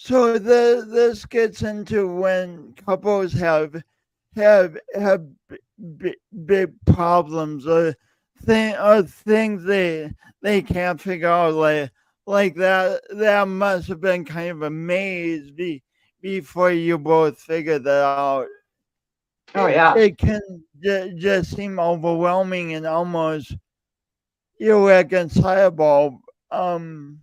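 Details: Male speaker who self-reports an audible speech impediment present whenever he speaks, with part-word and word repetitions; stuttering (speech disfluency).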